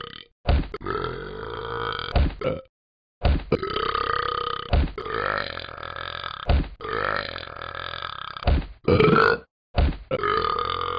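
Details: Long, loud, rumbling belches repeated in a series with short gaps while being punched: prolonged burping.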